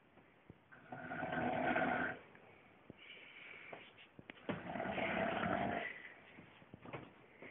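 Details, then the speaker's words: Man snoring in bed while asleep, filmed by his wife: two long, harsh, rattling snores on the in-breath, roughly 17 breaths a minute, with quiet pauses between; habitual nightly snoring. "And you say I exaggerate. I don't think so, not now. I go to sleep next to that every single night."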